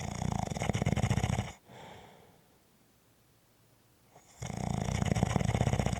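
Two loud, rough, rattling snores on the in-breath, separated by a quiet pause; ordinary snoring.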